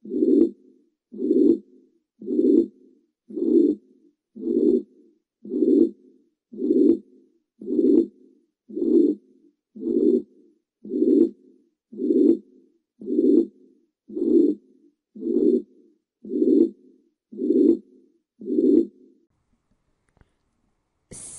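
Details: 76-year-old woman with shortness of breath, murmur radiating to left axilla: regular beats about 56 a minute, each with a long blowing murmur filling systole. Mitral regurgitation murmur.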